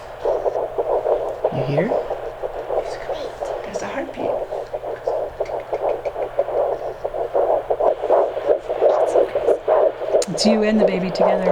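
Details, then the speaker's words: Fetal heartbeat on Doppler in a second pregnancy: rapid whooshing fetal heartbeat in the 160s, normal, with the slower maternal pulse also audible, two heartbeats. "that's your brother or sister that's the baby heartbeat do you hear"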